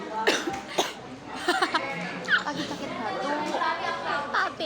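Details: Child giving a few short, sharp coughs, a plain cough, amid voices and background music; recorded 4 October 2022.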